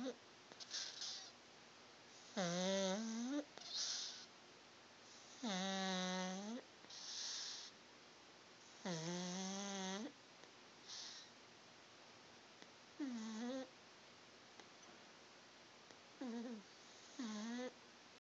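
Repeated whistling, squeaky snores with soft snuffles between them, about eighteen a minute, from a sleeping flat-faced dog.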